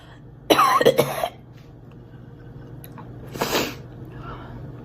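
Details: Girl: a quick burst of three or four coughs, then a pause and one more short cough, with faint room hum.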